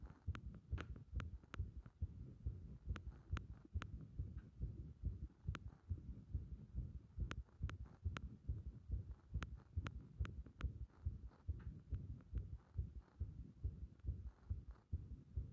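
Fast, muffled heartbeat near 140 a minute with uneven spacing and occasional sharper beats; an irregular rhythm, an arrhythmia.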